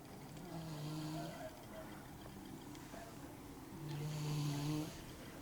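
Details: Cat snoring: slow, steady snores, two drawn-out buzzy breaths about three seconds apart over low room noise.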